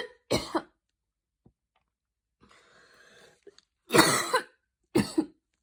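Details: Coughing fit after an evening run in cold air, with wheezing escalating into a mild asthma attack: repeated harsh coughs with raspy, noisy breaths between them.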